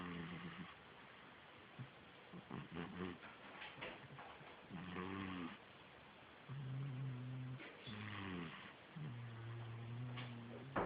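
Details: Dog snoring: soft, low rumbling snores on the breaths over steady room hiss, with some irregular snuffles.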